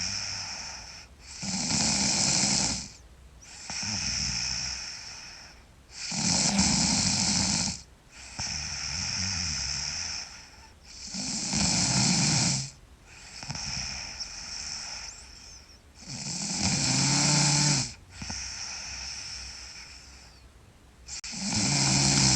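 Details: Sleeping girl snoring loudly: rough snores with each breath in, about 12 breaths a minute, with quieter breaths out between.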